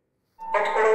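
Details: CardioAid-1 AED in an instructional demonstration, after chest electrodes applied and rhythm analysis, before prompt to press flashing shock button: shock-advised alert tone.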